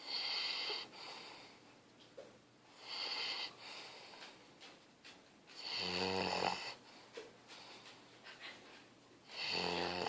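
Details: Snoring in sleep: whistling, snorting breaths, some with a buzzing rattle, in repeated cycles about every 3 seconds.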